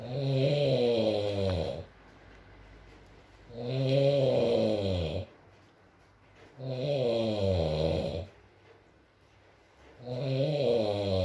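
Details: ASMR recording of a sleeping man (boyfriend) snoring: loud rattling snores on each inhalation, about 18 a minute, quiet pauses between, soft rain in background.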